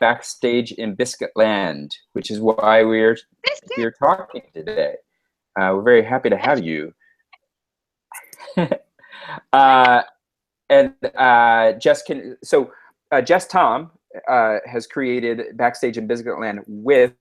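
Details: Adult male speaker; ordinary speech.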